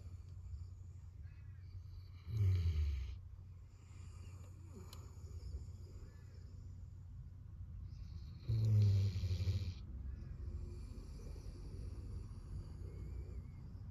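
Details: Golden retriever asleep under a desk, snoring: two deep, rumbling snores several seconds apart against steady room noise.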